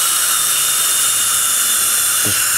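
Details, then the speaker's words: Dental diamond bur on a high-speed handpiece with plenty of water, adjusting the bite on cemented Empress porcelain restorations: a steady, high-pitched drill whine with water spray hiss. "pressure lots of water these zerat diamonds do a great job it's just so gentle on the Force One these are Empress Restorations and this diamond is being very gentle not generating a lot of heat or micr fractures"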